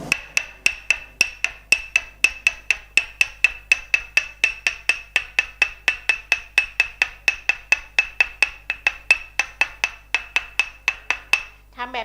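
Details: Thai traditional Northern tok sen massage on the back of a prone recipient, working down lines from shoulder blade to heel; rapid, even wooden mallet knocks about four per second: tok sen tapping.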